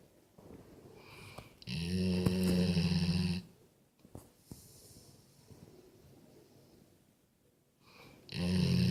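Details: Sleeping Golden Retriever dog snoring: deep, buzzing snores separated by quiet breathing and a few soft clicks.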